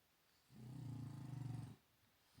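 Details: A sleeping dog gives a single long, low, rattling snore lasting over a second, with faint room noise; the noise is why it does not sleep in the bedroom. Ordinary snoring.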